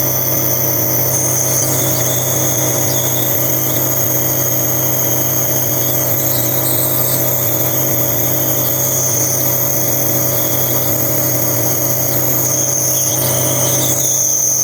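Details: Nebulizer compressor running at night for a sleeping 9-month-old baby with cough and colds for over a week: steady loud mechanical drone with high whine during home breathing treatment.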